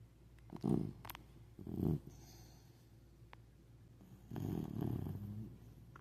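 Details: Comfortable sleeping puppy snoring in loud, rough, snorting bursts with quieter breaths between, in a quiet room.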